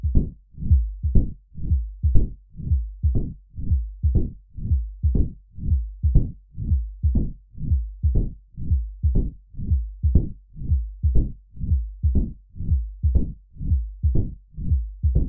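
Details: Mitral stenosis in a simplified 3D animation: regular heart sounds at about 60 a minute with an opening snap and low rumbling diastolic murmur.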